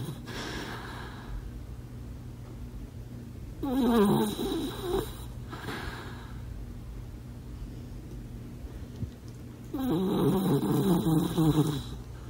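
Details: Loud, rough, rattling snores separated by quieter breathing, with a steady room hum, from a sleeping dachshund with missing teeth and weight issues; snoring.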